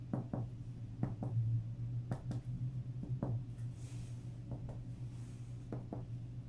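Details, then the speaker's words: Respiratory examination on a simulated adult patient: paired finger-tap percussion strikes over the chest, compared side to side, giving hollow resonant notes of normal lung percussion. "next is the percussion part we need to compare both sides and the percussion should be"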